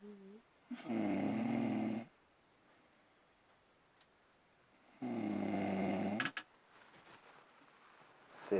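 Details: Snoring during sleep at a camp: two long, buzzing inspiratory snores, each about a second long, quiet between them, faint background voices.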